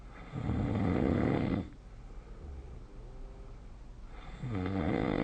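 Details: Snoring during sleep, recorded with the SnoreLab app: loud, low, fluttering snores with a quieter breath between them.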